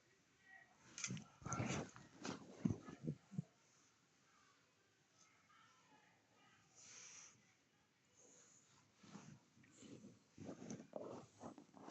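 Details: Senior dog with hiccups: short, abrupt gulping hics in uneven runs with quieter snuffly breaths between them.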